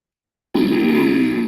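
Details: Patient with likely pseudobulbar palsy, plus dysphagia and facial palsy; very hoarse, strained voice with possible adductor spasm resembling spasmodic dysphonia: spastic dysarthria with hoarse, strained voice.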